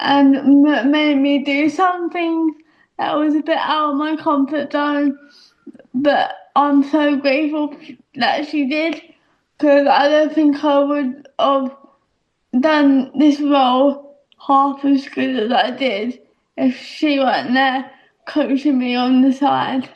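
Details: Actress with a self-reported audible speech impediment that makes her feel a bit stuck in her own body; speech impediment.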